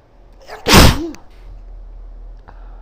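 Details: Female sneezing into a handkerchief, possibly allergies (pollen suspected): one loud explosive sneeze with a brief voiced tail, then quiet; sneeze.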